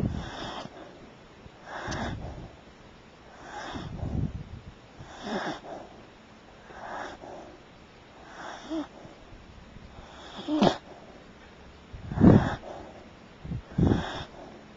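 Repeated rough snorting breath sounds, louder and rattlier toward the end, roughly every two seconds; snoring.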